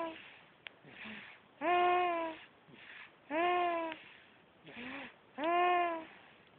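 Repeated wailing cries from an infant with breathy gasps between them, about three cries in six seconds.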